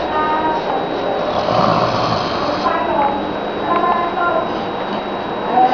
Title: Daddy snoring,baby got irritated..wwiihhhhh